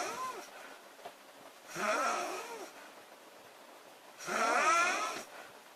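Loud, fluttering snores with a whistling, wavering pitch, about one every two and a half seconds, with quiet breathing between. Snoring during sleep.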